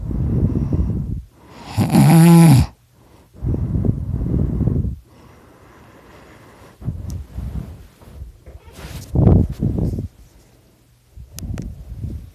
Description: This is me snoring I'm so loud.